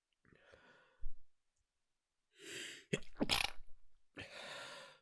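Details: Someone woken in the morning by a persistent nose tickle, trying not to wake anyone: quick inhalations followed by a few hushed, held-back sneezes; stifled sneezing.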